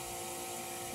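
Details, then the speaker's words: Suction machine in a simulation lab running with loud constant hum and hiss, thumb occluding the tubing to build vacuum before tracheostomy suctioning on a mannequin; simulated, suction machine running. "so my suction tubing if I put my thumb on it you see how pressure will build up slowly so when you go to section on these mannequins you have to give it hold pressure for a little while to give it time to build up some suction"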